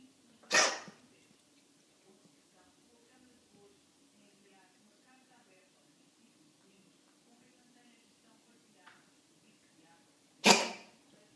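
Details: Cat hiccups: two sharp, brief bursts about ten seconds apart in a quiet room.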